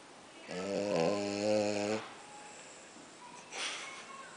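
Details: Tired French bulldog snoring: one loud, buzzing, rattling snore lasting about a second and a half, followed by quiet breathing and a fainter snort.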